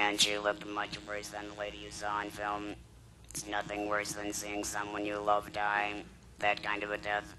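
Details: Woman after laryngectomy (larynx removed), followed by radiation and chemotherapy, speaking with an electrolarynx, a battery device held against the throat that makes a buzzing tone she shapes into speech.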